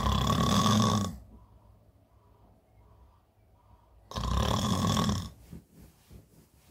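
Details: Adult woman snoring heavily in bed, from a staged comedy sketch that is likely acted: two loud, rough inspiratory snores separated by a quiet pause; snoring.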